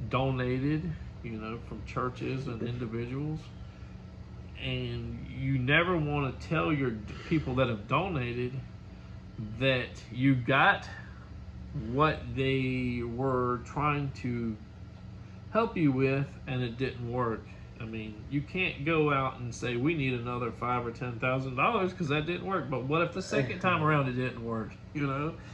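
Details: Adult man speaking; normal speech.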